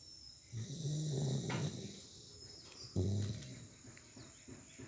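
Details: Sleeping dog snoring: two low, rumbling snores a few seconds apart over steady background hiss.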